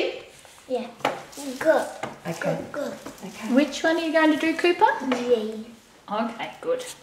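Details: Adult woman; Typical adult speech.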